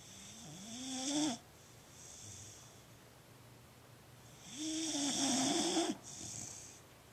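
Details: Female Boxer dog asleep: two drawn-out snoring breaths, each a rising, rattling, whistly rumble on the inhale, with quieter snuffly exhales between; snoring.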